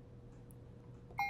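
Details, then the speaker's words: Puritan Bennett 560 ventilator, setting volume-based mode parameters: brief electronic beep as a setting is confirmed with the check-mark/accept key, against a low machine hum; normal keypad confirmation tone. "once again you simply press the checkmark button and then you can simply adjust that up or down with finally making a confirmation by pushing this button again key sounds except the tone"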